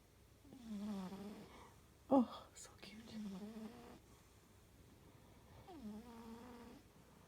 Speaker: She'll snore so cute. Cute babies.